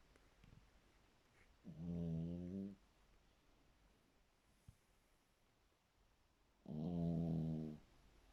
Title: Silver snoring♥️♥️😆😆😆